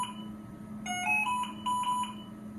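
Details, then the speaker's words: V200 ventilator apnea alarm triggered by patient disconnection: repeating electronic alarm tones over steady machine hum; machine automatically switches to volume control mode, then resumes delivering breaths. "if you do see the apnea alarm the machine will automatically go into a volume control mode when app and app news detect it"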